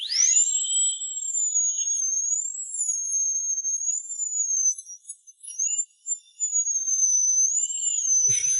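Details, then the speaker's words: High-speed dental drill splitting a horizontally impacted wisdom tooth in two after the gum is cut: a high-pitched, steady whine rising and dipping slightly. "don't feel the pain But you can hear the drill You can feel the vibration of the drill. The whole head is buzzing"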